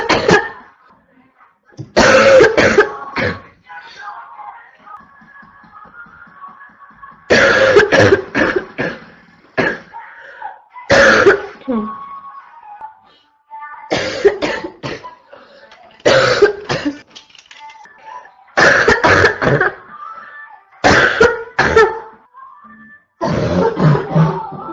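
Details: Adult woman with a constant barking cough: harsh, barking bursts repeated again and again, often in short runs with brief pauses.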